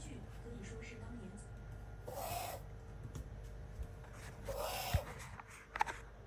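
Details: Pet named Brownie wheezing: two harsh, hooting breath sounds about two and a half seconds apart.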